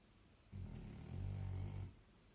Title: Bruno Snoring